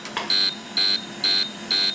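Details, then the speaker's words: Rapid evenly spaced high-pitched beeps, about two a second, from a Core fractional CO2 laser in aggressive fusion mode, circling around a woman's severe facial acne scars (shouldering) before treating scar centres. "so I actually want to go in a circle around the scars and I'm using these fusion mode and this is about as aggressive as I get with this pore fractional laser"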